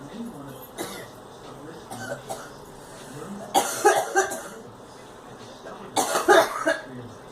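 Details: A girl coughs in several short clusters over a few seconds, with voices in the room.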